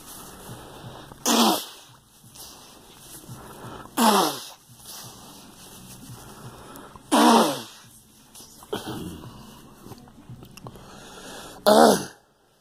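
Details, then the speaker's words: Person with a persistent cough since a flu shot, bringing up clear phlegm and vomiting: four loud, harsh, wet coughs spaced a few seconds apart with quieter breathing between; productive cough. "This fucking cough will never go away. Since I had the flu shot, it's been fucking damn it, it came up again. Damn phlegm."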